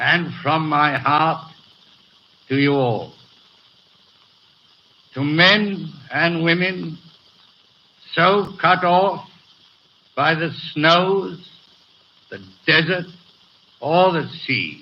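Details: Real 1937 coronation-day BBC broadcast by a man with a severe stutter, recorded before his treatment by a speech therapist was complete, with hesitations throughout; finding: stuttering.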